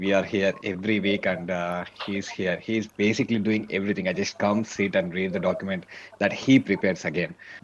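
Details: Adult man speaking; Normal speech.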